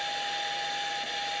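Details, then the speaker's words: Puritan Bennett 840 ventilator running its Short Self Test (SST), circuit outlet capped: steady rushing airflow with a constant high tone; normal pressure and flow sounds during testing. "the Machine is going to automatically test the system and it'll uh walk through each step of the self test these are normal pressure"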